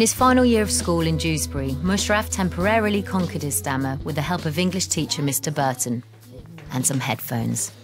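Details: Adult male narrator; normal speech.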